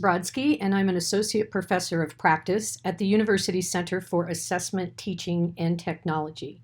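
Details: Adult woman; normal speech.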